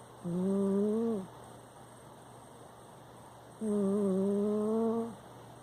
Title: snoring